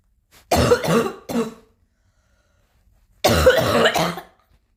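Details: Cough from someone still coughing a little: two short clusters of loose-sounding coughs, about five bursts in all, separated by a quiet pause in a small room; a mild, lingering cough.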